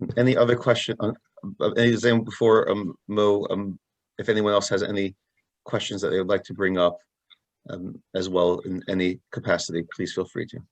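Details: Adult male speaker; Ordinary fluent speech.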